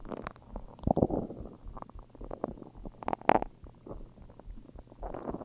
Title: Stomach growls